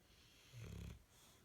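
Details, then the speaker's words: Loud snoring from Bronson: one low, rumbling snore lasting about half a second against quiet room noise. "hello I see you are you snoring really loud brunton are you snoring really loud we see you you're there"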